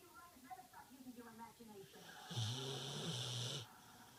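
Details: Soft breathy sounds, then one loud, low, rattling snore lasting about a second; snoring.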